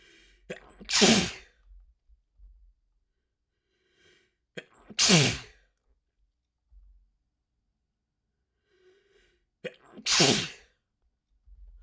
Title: HUGE Chhinkni Sneeze Fit with Wet Sniffling and Noseblows